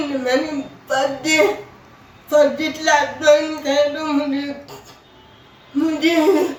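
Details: Adult woman with cerebral palsy who speaks with difficulty; her teacher says she could not be understood in class because she did not speak clearly: dysarthria (cerebral palsy).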